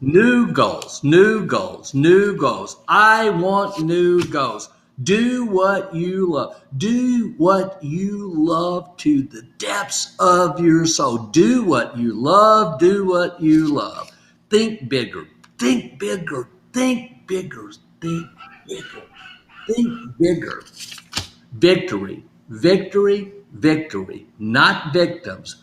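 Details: Adult man; aphasia.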